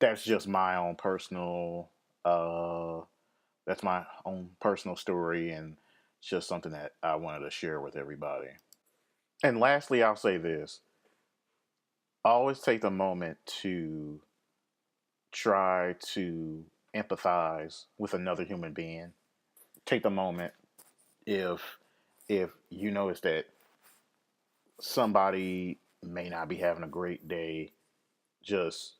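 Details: Speaker with lifelong occasional stammer, linked by the speaker to anxiety, fear of public speaking and depression; stuttering.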